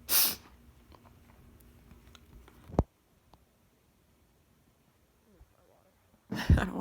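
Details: Two forceful sneezes separated by quiet breathing and a sharp catch, part of a repeated autumn sneezing fit. The person suspects a new allergy, possibly to dust, with constantly tearing eyes.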